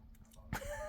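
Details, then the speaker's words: Adult man who has been drinking beer starts hiccupping, followed by a burp: a hiccup sound. "Oh, you hear that? I'm starting to get the hiccups."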